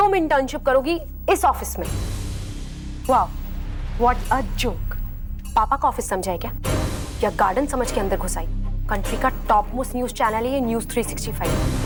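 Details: Adult woman, acted TV drama scene; normal speech.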